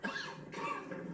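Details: Two quick, harsh, rough coughs acted in a TV comedy scene, a man's lingering cough.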